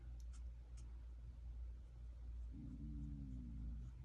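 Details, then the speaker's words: Adult, apparently diabetic, who had eaten poorly, remarks on her stomach growling: low steady room rumble, then a drawn-out, slightly falling gurgling groan about a second and a half long, stomach growling. "Did you guys hear that? My stomach is growling. I've got to eat right today."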